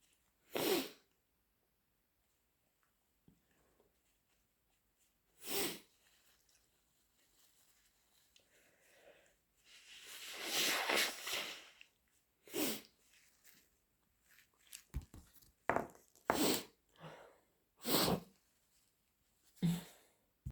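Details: Several sharp sneezes, about five, with sniffing and a long wet nose-blow between them; ordinary sneezing with a runny nose.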